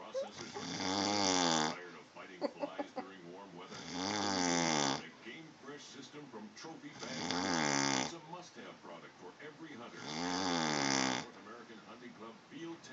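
Loud, rasping snores about every three seconds, with quieter gasping and mouth noises in between breaths; heavy adult snoring.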